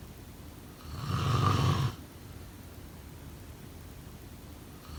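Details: Snoring: a rough, low rattling snore on an in-breath, a quiet pause, then the next snore starting.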